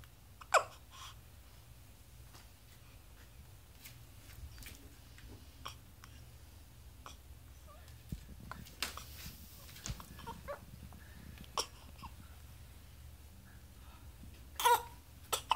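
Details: Short, sharp little catches recurring at irregular intervals over quiet room noise; a hiccup attack in a 6-day-old baby.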